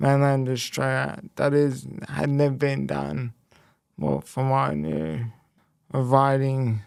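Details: Speech impairment in a young man after a left-hemisphere haemorrhagic stroke at age 12, followed by a five-week coma, with right-sided body weakness; speech was the most affected area and had to be relearned, and he reports slower information processing.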